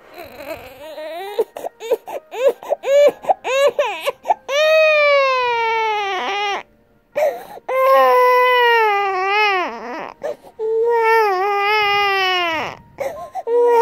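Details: Two-and-a-half-month-old baby boy briefly waking in his father's arms before sleep: soft, whimpering cries building into longer wails over faint lullaby music; normal fussy infant cry.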